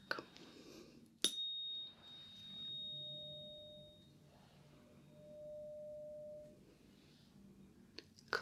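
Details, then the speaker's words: A clink, then a soft, pure, steady ringing tone that fades: a 512 Hz tuning fork struck before Weber and Rinne hearing tests in an ASMR simulated ear-examination roleplay. "I have a 512 hertz tuning fork."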